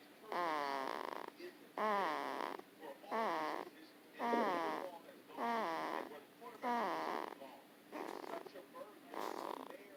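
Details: A woman snoring with a voiced, humming quality: repeated short hums with a falling pitch ride on each breath, about seven in ten seconds; humming snore.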